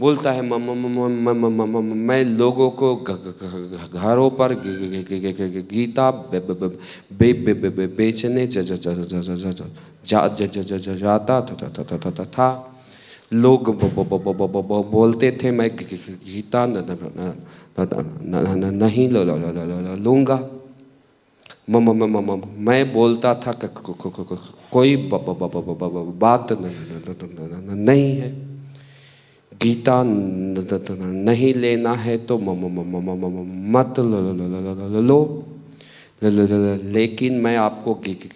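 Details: Imitated stuttering, acted by a male narrator portraying a stammering salesman in a story; not a real speech disorder.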